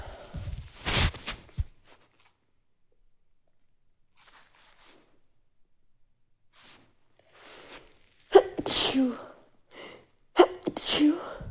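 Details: Stifled sneezing: three sharp, suppressed sneeze bursts, the last two close together after a pause.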